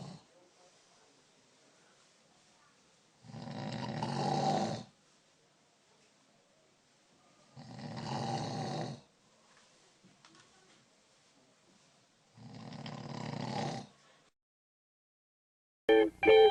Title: snoring dog